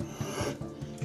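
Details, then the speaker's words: A young female zoo wallaby that is apathetic and not alert, with a blocked nose: a brief raspy, rattling noise heard with every breath, small respiratory rales. "Des petits râles respiratoires comme ça? Enfin, chaque respiration."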